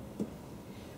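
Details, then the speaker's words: Single soft, short tap with little ring: the flat percussion note produced over bone, demonstrated by finger percussion during a nursing abdominal assessment. "because when you percuss over bone it makes a flat sound like this"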